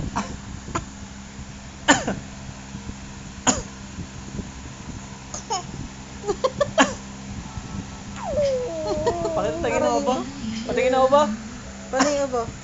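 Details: Young child being taught by her father to cough gives several short, sharp, voluntary coughs separated by pauses, with talking later on.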